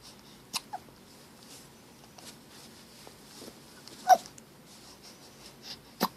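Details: Hiccups recorded 8-10-13.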